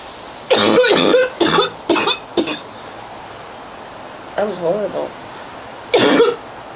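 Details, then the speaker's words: Girl in a prolonged coughing fit, struggling to catch her breath: a short run of four quick coughs, a brief strained vocal sound, then one more cough; repeated coughing bouts. "My neighbors really hear me cough."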